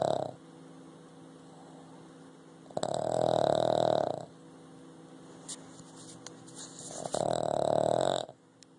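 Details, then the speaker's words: Sleeping Boston Terrier with two loud, rattling inhaled snores about four seconds apart and quiet breathing between: dog snoring. "Hey, Lou. Who's snoring? Louie, you snoring."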